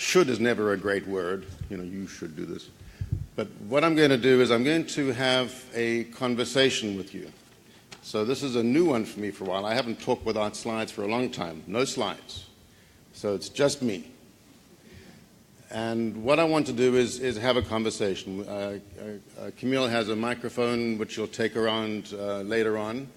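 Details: Adult male speaker; Normal speech.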